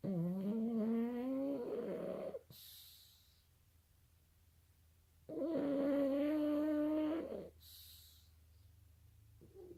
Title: Forts just dreaming and snoring